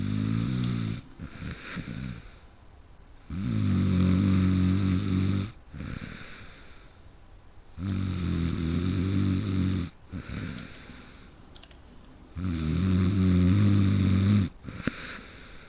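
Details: A person who fell asleep mid-game, snoring loudly: rough snores on each breath in, about 14 a minute, with quieter breathing out between.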